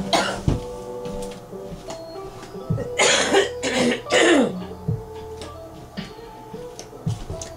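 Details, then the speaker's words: Three loud, harsh adult coughs in quick succession over soft music, described by the cougher as really ugly coughs. "I have really ugly coughs like ugly cries but worst cuz it sounds like I'm dying"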